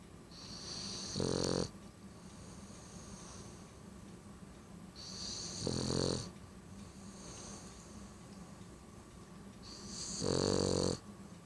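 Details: A BT dog snoring heavily: three rattling, fluttering snores on the in-breath, about every 4.5 seconds (roughly 13 breaths a minute), with quiet breathing between them.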